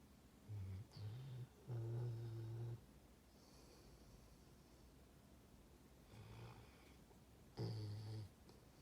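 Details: Male dog snoring in his sleep: low, rumbling snores in short bursts with quiet pauses.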